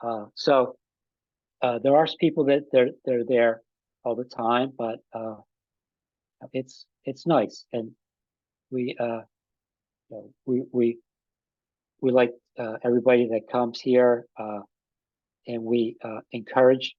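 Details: Adult man with aphasia after an ischemic stroke with a simultaneous heart attack about five and a half years earlier; still has trouble with names and word tenses; aphasia.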